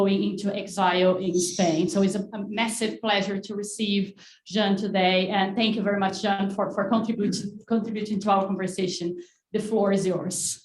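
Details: Adult woman speaking; normal voice.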